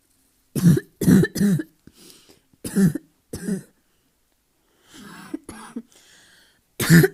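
About eight harsh, deep coughs in clusters, a barking cough attributed to asthma.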